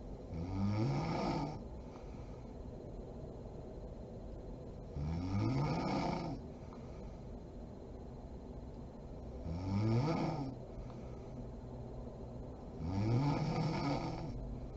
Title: SNORING MOM SLEEPING ASMR SERIES PART 39